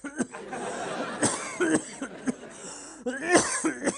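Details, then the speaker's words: Acted comedic imitation of a cough in a TV satire sketch: repeated short, dry coughs with throat clearing and laughter in the background, a parody of a politician's cough; simulated. "go on, take your time, clear your throat properly."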